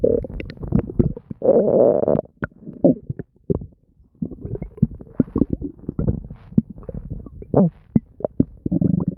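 Continuous gurgling, bubbling and popping stomach noises throughout; ordinary active bowel sounds.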